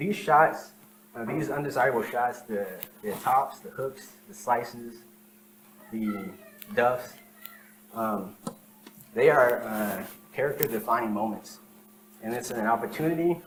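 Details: Adult man with lifelong stuttering, present as long as he can remember; real speech from his own 2013–2019 recordings made while working to improve fluency. Finding: stuttering.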